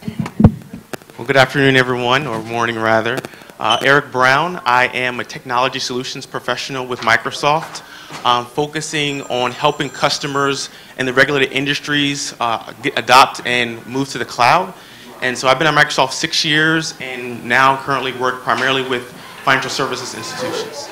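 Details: Adult man speaking; Normal adult speech.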